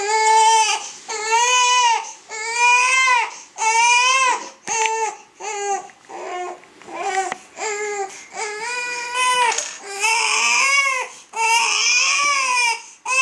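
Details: Repeated high-pitched, intense wailing cries separated by short breaths from a baby girl, crying attributed to colic.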